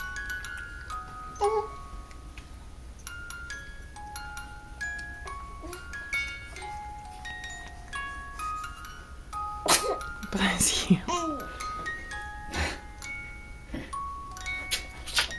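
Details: Sneezing in a baby of about 3+ months: two or three short sneeze-like bursts over soft chiming music and quiet room noise.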